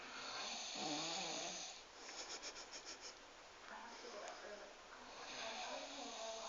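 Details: Big man from Romania snoring like a pig: loud, rasping snores with a rapid rattling flutter between breaths; heavy snoring.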